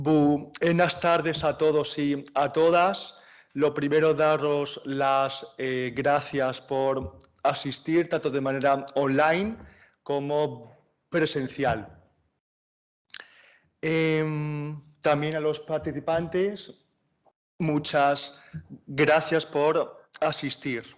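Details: Young man, stuttering awareness activist, speaking live at a panel talk on stuttering; stuttering.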